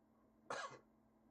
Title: Deep, Abandoned Campaign Game 1 | sorry about the coughing